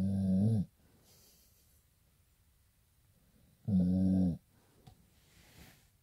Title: Pitbull snoring like a human